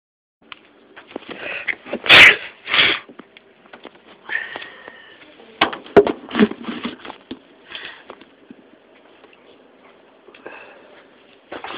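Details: Person who can't stop sneezing and jokes about being allergic: a run of sharp, explosive sneezes with sniffs between them in a quiet room; repeated sneezing.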